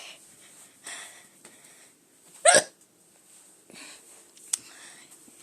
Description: short hiccup video